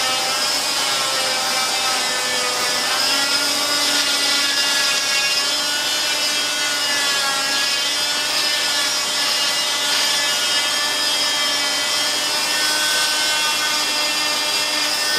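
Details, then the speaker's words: Oscillating cast saw cutting the thin fiberglass of a total contact leg cast during removal, one hand on saw and one stabilizing the leg. Steady high buzzing whine with grinding rasp. "And you don't need to push hard. Remember, you only have a fairly thin layer of fiberglass. One hand on the saw, one hand on the leg for stability, and then come right up."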